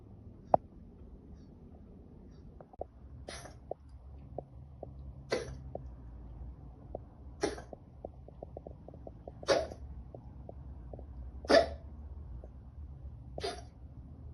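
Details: Harsh, forceful breaths recurring about 30 times a minute, then coughing, from a patient with chylothorax; labored breathing (dyspnea).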